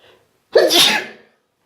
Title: Q-Tip induced sneezes